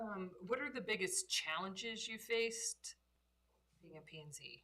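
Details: Adult woman speaking; normal speech.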